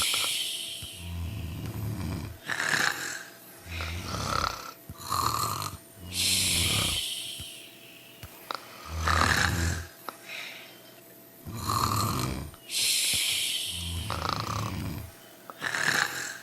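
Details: Several loud rattling snores with short noisy breaths between them, about 23 per minute and uneven, from more than one sleeper snoring together during sleep; snoring.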